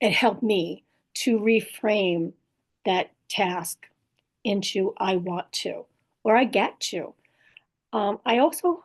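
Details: Woman with post-stroke aphasia plus apraxia of speech and dysarthria, in recovery; aphasia with apraxia of speech and dysarthria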